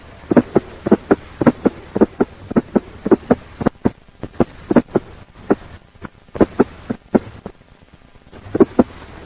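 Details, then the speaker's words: S4 gallop, played for comparison with S3 gallop and summation gallop. "Now let us compare S4 gallop,"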